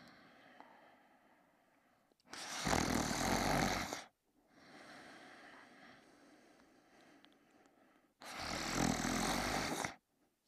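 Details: Person sleeping and snoring heavily: two loud, harsh, rattling snores on breathing in, each about two seconds, separated by a quieter breath out.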